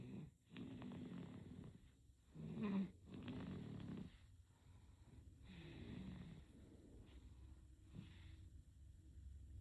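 Gentle, snorting snores from a sleeping infant, a few breaths over ten seconds, with low room noise.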